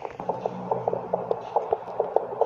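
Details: Fetal heartbeat heard with a handheld fetal Doppler on the pregnant abdomen, volume started low: rapid, regular galloping whooshes about 140 a minute, within the stated normal 120–160 range.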